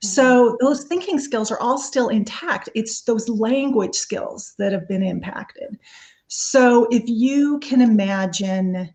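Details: Adult woman speaking; no disorder.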